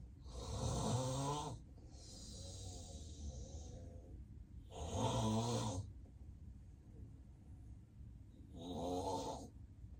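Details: Self-recorded real nap of a person with sleep apnea, with apnea pauses and belly and foot movements: loud, deep, rattling snores about every four seconds with breathy exhales between, a pattern of severe obstructive sleep apnea.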